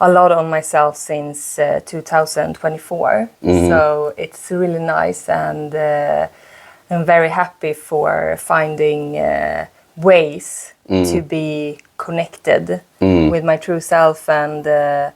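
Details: Adult woman who stutters, doing holistic self-work since 2024; she says she still struggles a lot with her speech and sometimes has huge blocks; stuttering.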